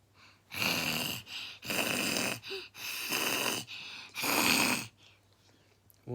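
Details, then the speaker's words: A child imitating their mother's snoring when asked what noise she makes asleep: five or six breathy, hissing snorts in a row, not real sleep snoring. "what noise does mommy make when she's asleep"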